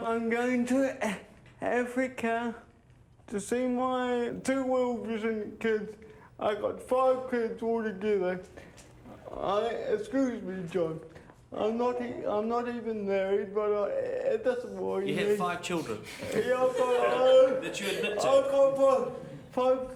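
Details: 32-year-old man with cerebral palsy present since birth, dependent on 24-hour care; speech starts to slur when he tires; dysarthria (cerebral palsy).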